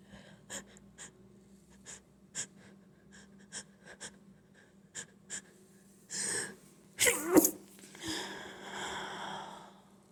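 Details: Person trying to hold back allergy sneezing: small sharp sniffs and stifled catches, then a few louder sneezes with breathy release.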